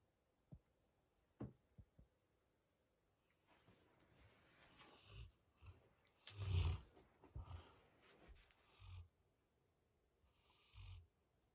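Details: Tired chocolate Labrador retriever sleeping in his basket late at night: soft, low rumbling snores and snuffling breaths in a quiet room, ordinary snoring.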